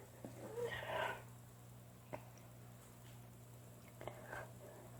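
A loud burst of sneezing, then a couple of softer sharp sneezes over a steady low room hum.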